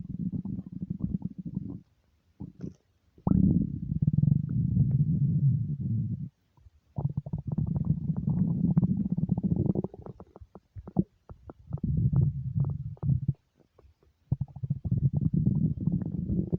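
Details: Hunger rumbling (borborygmi) from an empty stomach: loud, low, gurgling rumbles in long irregular runs with brief pauses, ordinary normal bowel sounds.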